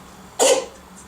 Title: Кошка кашляет